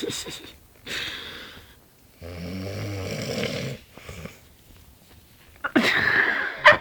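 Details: Person asleep on a floor snoring: rough, rattling breath noises with a low droning vibration, repeating in uneven bursts with quiet gaps.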